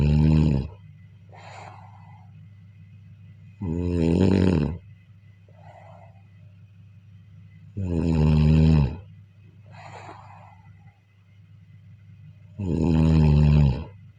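Four deep, vibrating snores about four seconds apart, each followed by a soft breathy exhale. About 15 breaths a minute. Snoring in sleep.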